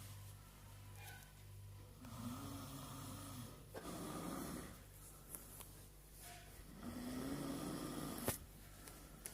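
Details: Person snoring very badly while sleeping: low, rumbling snore phases alternating with quieter pauses in a small room; loud snoring.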